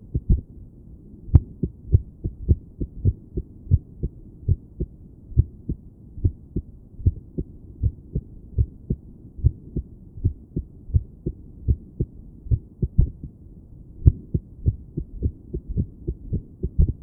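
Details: Woman sitting on her bed listening to her own heart with a stethoscope, trying to sit still and breathe slowly. Heart sounds with uneven spacing between beats: irregular heartbeat.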